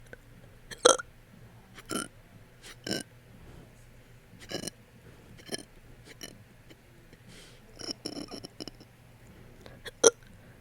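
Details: Fast, hiccup-like burps after eating, persisting for 30 minutes: about ten short, quick burps in a row in a quiet room, ordinary belching of swallowed air.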